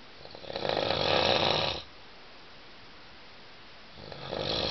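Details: Adult snoring after drinking wine, loud enough to keep a seven-person dormitory awake.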